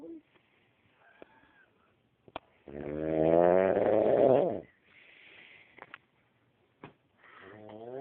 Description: Hilarios video of a snoring man must see this it is hilarious